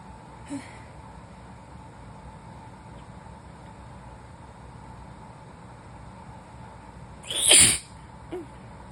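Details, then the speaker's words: Adult with a new cold during a sneezing fit gives a single sharp sneeze over a steady background hum, with faint breaths before and after. "Oh no, I'm gonna sneeze. Fuck. Whoa. These are super messy."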